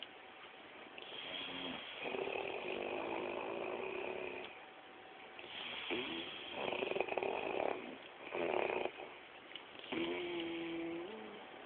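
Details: Two sleeping adults snoring: loud rattling snores in repeated long bursts, overlapping at times.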